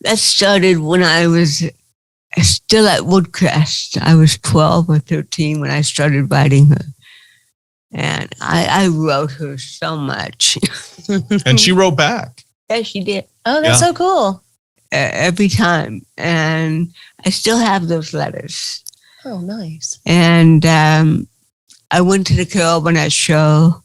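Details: Adult woman with cerebral palsy, real, speaking in an interview; dysarthria (cerebral palsy).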